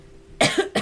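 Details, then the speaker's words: Single adult cough lingering after a recent illness, heard during a livestream: a quiet pause, then a sharp cough burst with a brief second burst, followed by throat clearing and a snort. "as you can hear, still somewhat sick. [cough] [clears throat and snorts] Actually, not really sick anymore. Just the cough"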